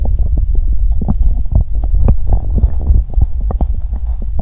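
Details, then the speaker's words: Continuous deep, loud rumbling with bubbling pops from the belly of a slim person after exercising on an empty stomach; loud stomach growling (borborygmi) from hunger. "Âm thanh réo rắt của dạ dày tôi tiếp tục một lúc ♪"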